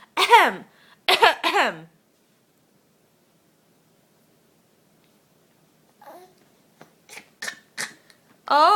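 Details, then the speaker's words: Infant boy possibly imitating his mother's cough: two voiced, cough-like bursts, then clicks and babbling; playful voluntary fake cough. "you have the same cough I do you do or are you just copying mom"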